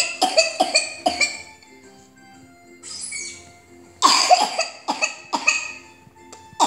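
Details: Dry cough fit in a 4-year-old vaccinated against pertussis, swab-confirmed whooping cough, day 3 of antibiotics, no fever: strings of rapid, dry, high-pitched coughs with little breath between, over background music; paroxysmal whooping cough.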